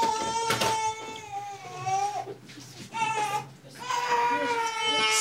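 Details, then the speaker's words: Young infant with laboured, rapid breathing, sucking in beneath the ribs on each breath (GP suspects a lung infection), cries in short bursts with catches between them. "He really is struggling with the breathing, actually. Yeah. So he's sucking in underneath his rib every time he's breathing in."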